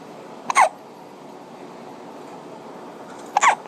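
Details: An infant has two short, sharp hiccups about three seconds apart over steady room noise while an adult plays a video game nearby; ordinary hiccups.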